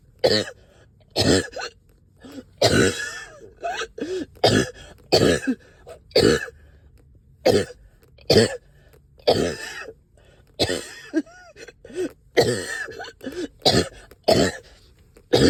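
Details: Wet productive cough, about twenty short rough coughs and throat clearing with thick gurgly sticky phlegm, while up all night with heavy chest and headache.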